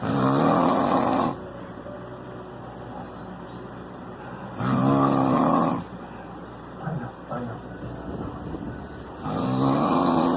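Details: Snoring while falling asleep after getting drunk: loud, rattling snores about every 4 seconds, roughly 13 a minute, with quiet breathing between; heavy snoring.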